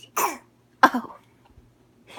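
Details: Young child deliberately fake coughing: two short, voiced, imitated coughs, a voluntary cough rather than an illness cough.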